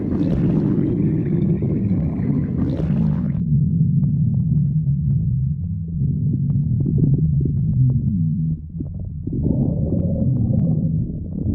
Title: stomach growling 6